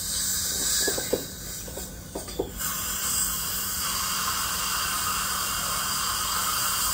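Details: Dental cleaning of an adult woman in a dental chair; steady high hiss of a dental scaler and water spray, with brief clicks of instruments on teeth.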